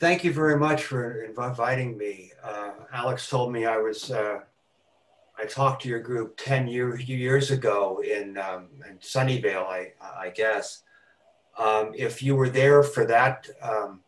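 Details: Stuttering with repetitions, fillers and blocks in an adult man who has stuttered since about age four.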